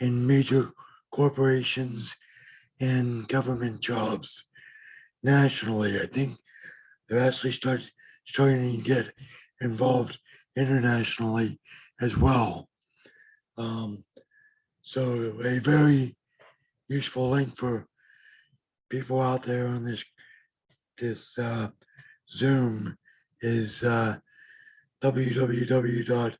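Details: Adult man with bilateral severe hearing loss since early childhood, mild cerebral palsy, and a vocal cord damaged during surgery; deaf speech with dysarthric features.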